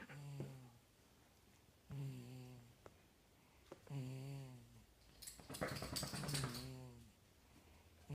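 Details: 4-month-old baby boy with a snotty nose snoring while asleep: repeated short nasal snorting snores with a whistling, buzzy tone on each breath, plus a brief rustle of movement; snoring.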